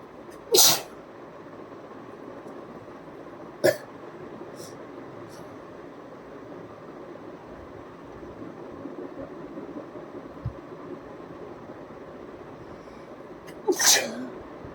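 Three sharp bursts of sneezing spread over about fifteen seconds with quiet room noise between; sneezes performed on purpose for a challenge.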